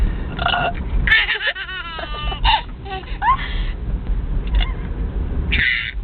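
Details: Sister's loud, drawn-out belching in a car, with a baby boy laughing in bursts and background music.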